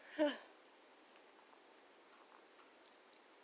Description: Something was tickling my nose. Not sure what, but it felt good.